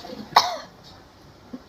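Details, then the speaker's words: Simulated nursing training role-play of effective cough after deep-breathing exercise, patient coughing up sputum: one forceful, deliberate cough to clear phlegm, then quiet. "ini yang terakhir nanti langsung batuknya itu kan ada dahaknya langsung dikeluarin di sini ya"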